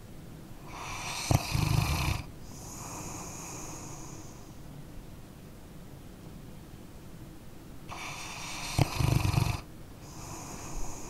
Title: {ASMR} Dog Snoring Sleeping Canine- 1 Hour Dark Screen Tingle Sounds Sleep Relax Study (NO TALKING)